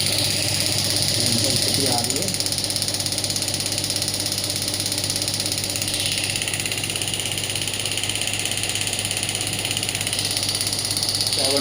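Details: Biotronix pneumatic radial shockwave (ESWT) therapy device with ultrasound firing at low intensity: fast steady buzzing pulses, about 200 a minute, with faint hiss.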